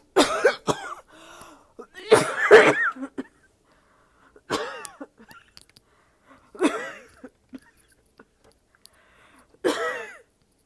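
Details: An adult's painful cough, felt in the throat and chest: five strained, harsh coughing bouts separated by quiet pauses.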